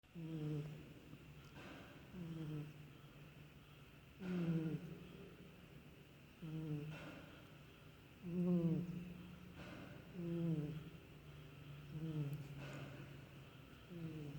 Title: Shamu snoring